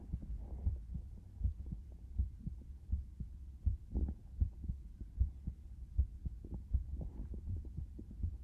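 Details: Steady low thumping heartbeat through a stethoscope, about 80 beats a minute, with a soft hum behind, recorded binaurally for ASMR. Normal heartbeat.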